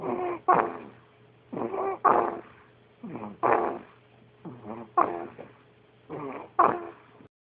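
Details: Light snoring: paired snorting breaths, a soft inward rasp then a sharper snort, repeating irregularly with nasal snuffling.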